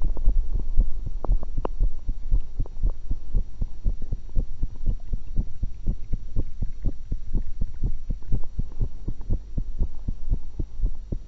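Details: Own heart sounds recorded through a stethoscope while eating an apple and a cucumber: steady, fairly quick lub-dub with a faint hum; normal heart sounds.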